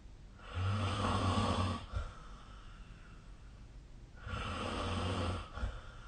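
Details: Snoring during sleep, possibly recorded with the SnoreLab snoring app: two rough, low-pitched snores, each ending in a brief snort, repeating about every four seconds.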